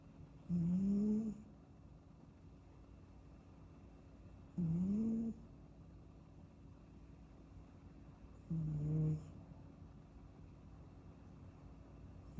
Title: 8 minutes of kitten snoozing snoring sounds